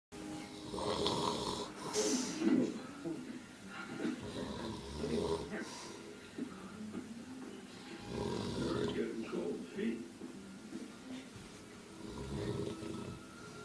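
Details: Person snoring: rough, rattling breath noises recurring irregularly, with television talk in the background.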